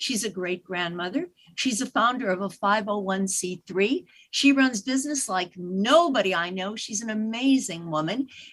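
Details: Adult woman speaking; Normal fluent speech.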